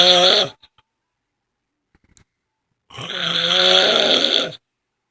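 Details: Adult woman snoring during sleep: two long, droning, whistling breaths separated by silence; loud snoring with a high, tonal quality.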